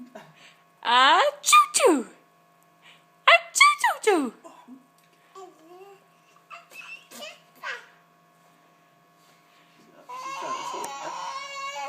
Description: This is my five month old baby girl laughing at her Daddy fake sneeze and then trying to copy and fake sneeze.